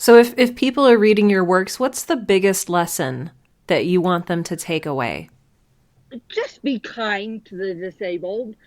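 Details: Two adult speakers in a quiet room; conversational speech.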